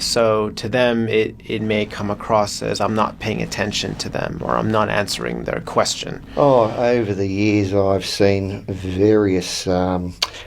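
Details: Stuttering in an adult.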